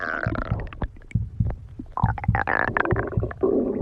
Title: stomach growling